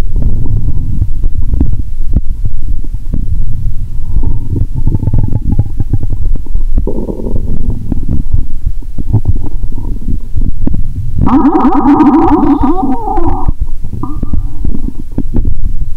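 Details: Stethoscope over the abdomen during a cola-and-Mentos session; watery sounds, stomach audible even near the heart: continuous low rumbling and gurgling with a louder bubbling stretch near the end; bowel sounds (borborygmi).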